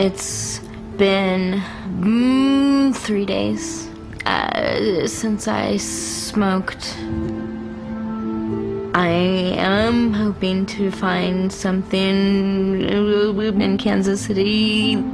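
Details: Woman with cerebral palsy from birth, most noticeably manifesting as a severe stutter, right side of body weaker than left; 3 days without smoking cannabis; stuttering.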